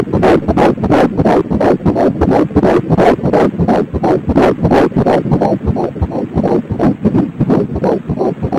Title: 11 weeks pregnant ultrasound